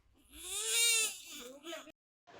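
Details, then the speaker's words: Hunger cry of a preterm infant born at 32 weeks weighing 1.12 kg, home after 60 days in NICU, crying for milk: a strong, high-pitched wail rising and falling, then breaking into shorter cries. "देखिए घर आकर वो बहुत ही responsibly behave कर रहा था कितना cutely रो रहा था दूध के लिए इसकी मौसी इसको चुप करा रही थी कि दूध आ रहा है"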